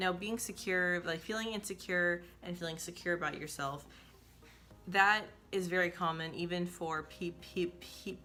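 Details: Woman who describes herself as a person who stutters; stuttering.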